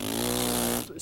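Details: A single harsh, low, buzzing snore under a second, illustrating snoring from tongue and tissues partially collapsing onto the pharyngeal wall, as opposed to obstructive sleep apnea: snoring.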